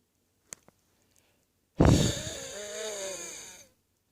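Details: Viral chest infection, recorded in the morning, makes one noisy breath ending in a whistling, musical wheeze; wheezing.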